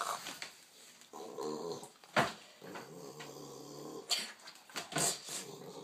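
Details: Rapid rattling snorts and sniffs with short wheezy bursts from a pug, noisy breathing through a narrow nose.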